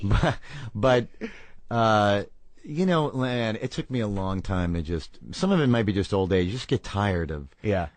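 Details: Adult man speaking; normal speech.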